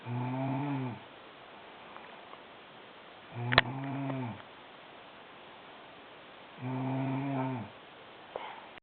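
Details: Sister, described as snoring very loudly, asleep: three droning, buzzy snores at about 18 breaths a minute, with quiet pauses between, in a small room; snoring.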